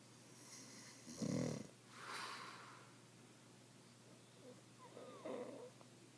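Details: Adult male (father) asleep at night, filmed by his wife: a deep rattling snore followed by a breathy exhale, then a fainter snort, with steady room hum; snoring.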